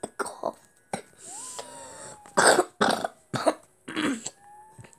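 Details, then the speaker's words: Sick person who says they sound like a machine when coughing: a run of about six short, harsh coughs in quick bursts, with a faint whistling tone in the background. "i'm sick guys i'm sick kind of bad halloween mummy cat good okay i love you off a girl you're stolen from my beautiful heart i sound like freaking machine when i cough what the hell is that"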